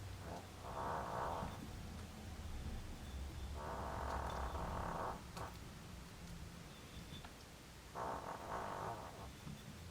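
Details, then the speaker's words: Loud snoring from someone sleeping on a couch in the background, said to be very loud that day, heard during a doll-painting session. "I don't know if you can hear snoring or not, but he is on the couch. And very loud today, I don't know."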